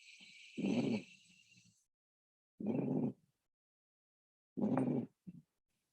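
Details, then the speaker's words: Exam-style audio clip of rhonchi: coarse, low-pitched rumbling breath sounds repeating about every two seconds, from airway secretions, indicative of bronchitis. "now before looking at the options here it sounds like a roncai rumble so with roncai you have to think bronchi specifically bronchitis"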